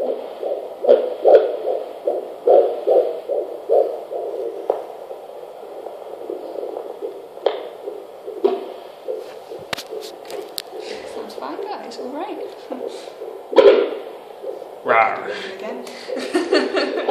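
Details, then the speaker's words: Doppler fetal heartbeat at 15 weeks 5 days, 145 bpm; rapid, rhythmic whooshing pulses described as strong, then scraping and crackling as the probe moves. "did you it's a strong heartbeat is it yeah baby"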